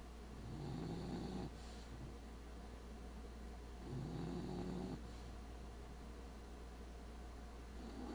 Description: My bulldog Lola snores herself awake then immediately goes back to sleep.